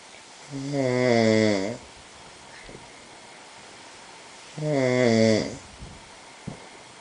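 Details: Man snoring: two long, buzzing, tonal snores about four seconds apart, roughly 15 breaths a minute, with quiet exhalation between.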